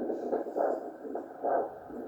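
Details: Patient resting with a blood pressure cuff in place for ankle pressure measurement; handheld Doppler over the ankle artery gives rhythmic whooshing pulses, with a brief tone at the end: normal triphasic arterial Doppler signal.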